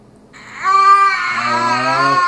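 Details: 10-month-old twin startled by their father's sneeze: a rising, tuneful infant wail that starts suddenly and holds steady; startled infant crying.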